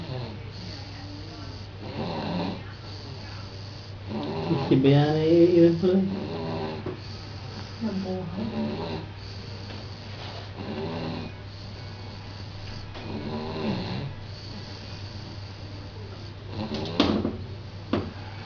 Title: snoring baby